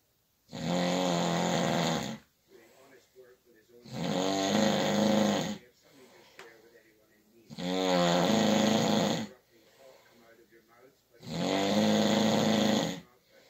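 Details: Night-time snoring by someone keeping a bed partner awake: four loud, rattling snores on inhalation with quiet exhalations, about 17 breaths a minute.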